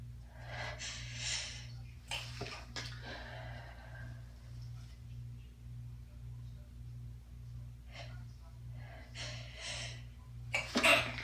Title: Stifled sneeze variety - pinched, hands-free, failed, half-stifles